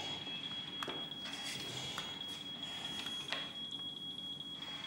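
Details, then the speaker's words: Fictional French TV drama scene: a steady high-pitched ventilator (breathing support) alarm sounds under room noise and movement after a husband disconnects his wife's respiratory assistance behind a locked door. "Merde, c'est l'alarme. Il l'a débranchée. Quoi? C'est sa femme, c'est l'alarme de son assistance respiratoire."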